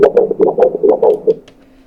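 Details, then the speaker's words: Fetal heart on Doppler during detailed 21–22-week ultrasound of an IVF pregnancy: fast, regular whooshing pulses about 136 BPM, within normal range, heart structure normal; the finding is normal fetal heart sounds. "심박수 한번 측정해 보도록 할 건데요 아 심박수 지금 136 BPM 정도로 정상 범위입니다"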